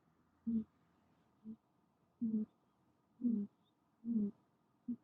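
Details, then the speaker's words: An American Shorthair cat in deep sleep, not woken even by a phone bumping it, makes short, soft, rumbling snores at a steady rhythm over a quiet room hiss; ordinary cat snoring. "The cat snoring is proof that you are sleeping soundly."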